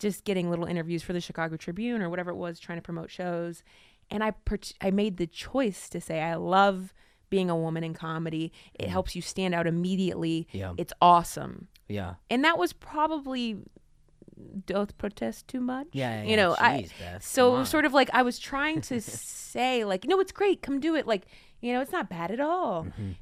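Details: Adult woman; typical speech.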